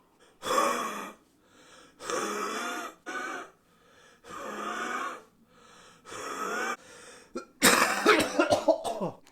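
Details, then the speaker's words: Cystic fibrosis patient on a 2-week IV antibiotic course, lung function dropped from 92% to 74%: repeated harsh, wet-sounding coughs in bursts during chest physio after Ventolin and DNase nebulizers. "start with ventolin to open the airways then dnase to loosen the mucus in my lungs and then it's time for physio and"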